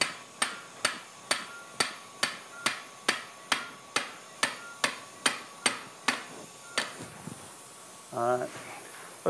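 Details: About sixteen sharp, evenly spaced metallic mallet taps driving an allograft-filled interbody cage into the L4-5 disc space during live TLIF spinal fusion in a 50-year-old woman after prior left microdecompression for L5 radiculopathy.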